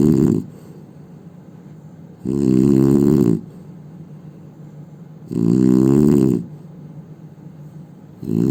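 Loud, vibrating snores on each in-breath, about every three seconds, with quiet breathing between.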